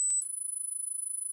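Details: High-frequency pure tone rising in pitch beyond about 8 kHz, played as an age-related hearing-loss self-test where older listeners may stop hearing it; high-frequency hearing test tone.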